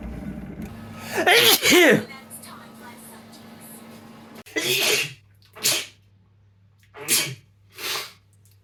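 A strong voiced sneeze, then four short, sharp sneezes in quick succession over a steady background hum; a plain sneezing fit.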